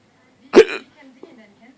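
One sharp, abrupt voiced catch followed by quiet breathing and a faint second click; a hiccup.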